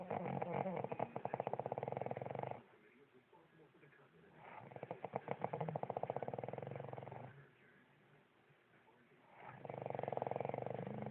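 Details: Long, rattling, fluttering snores with quiet gaps between, about 13 breaths a minute; snoring.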